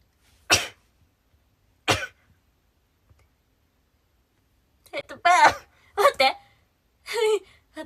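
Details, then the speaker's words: Two short, sharp sneeze bursts, then a few spoken words in a quiet room; a Japanese woman livestreaming, who calls it her strange sneeze. "今聞いた？私の変なくしゃみ。"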